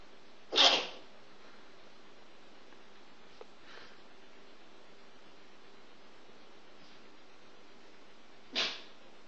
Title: the jack russell sneeze attack